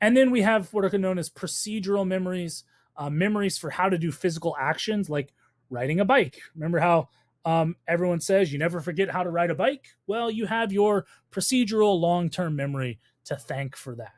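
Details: Adult speaker, lecture voiceover; ordinary speech.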